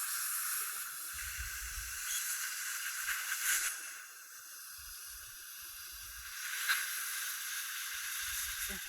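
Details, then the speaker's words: Continuous high hissing spray of a dental micro-etcher (air abrasion) removing the glazed tooth surface before Lumineers veneer placement on a young woman, with low rumbling bursts from suction or handling in between; patient asked to hold her breath. "and we're going to get started with surface preparation on the teeth and my first step is to take the micro edger and I don't want you to breathe now for a second just don't breathe and you want to remove that glazed surface"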